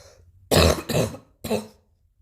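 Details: Three harsh cough bursts in quick succession, the first two run together and the last slightly weaker; a plain adult cough.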